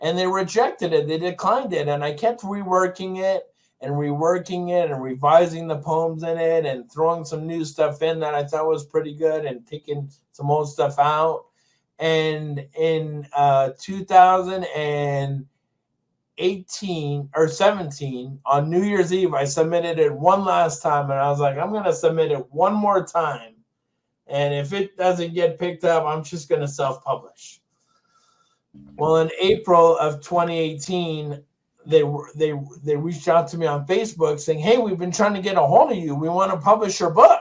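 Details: Adult man with Tourette syndrome, on medications, who developed a significant acquired stutter after a toxic brain injury in 2000 during undergraduate studies; stuttering.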